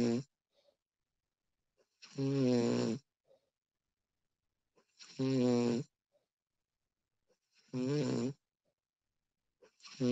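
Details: Female snoring during sleep, professionally recorded: loud rhythmic snores on each breath in, about one every three seconds, with quiet gaps between them.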